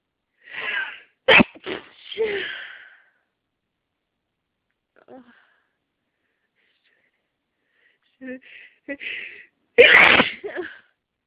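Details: Morning hay fever sneezing fit before the daily antihistamine, which the person blames on pollen: several sharp sneezes in quick succession, a pause, then another cluster; repeated sneezing from allergic rhinitis.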